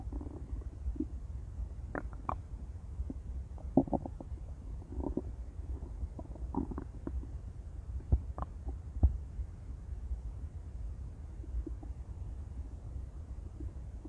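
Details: Intense stomach growls: low rumbling and gurgling with scattered bubbly pops; borborygmi from gut movement.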